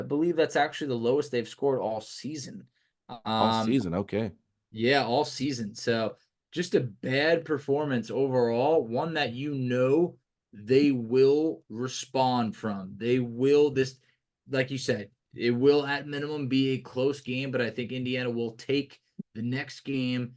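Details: Adult male speaker; ordinary speech.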